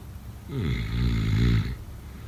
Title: #snoring #sleepnoises #sleepsounds #snoringasmr #snoringsounds #snoringsleepingsoundeffect